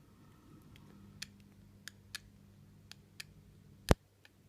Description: Maine coon cat grinding teeth